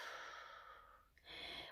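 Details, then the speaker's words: Full exhalation before using an incentive spirometer, done sitting upright at the edge of a bed or chair with the mouthpiece ready: a long, soft, breathy exhalation, a brief pause, then the start of another breath. "you're gonna make sure before you before you do this you want to let all your air out"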